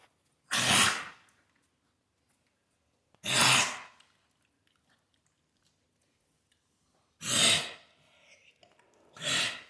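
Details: A female dog coughing: four short, harsh, breathy bursts a few seconds apart in a quiet room.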